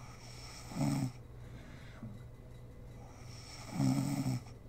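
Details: Sleeping mother snoring in a home ASMR recording: two rough, vibrating in-breath snores about three seconds apart over a steady low room hum; ordinary snoring.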